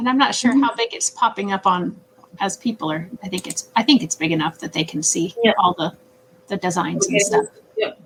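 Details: Adult woman speaking; normal speech.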